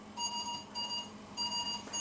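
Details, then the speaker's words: Repeating high electronic alarm tones in a room during ventilator training: a ventilator low respiratory rate alarm and low minute volume alarm, both triggering within a minute of starting the machine; ventilator alarm. "Lower respiratory alarm वाला है लो minute volume alarm है"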